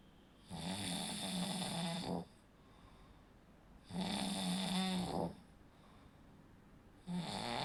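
Loud, rattling snores on each breath, about 19 a minute, with quiet gaps between; noisy breathing from throat tissue vibrating during sleep.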